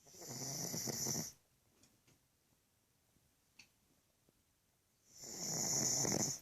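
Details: Female pug sleeping and snoring very loudly: two loud, harsh, hissing snores with a quiet pause between them.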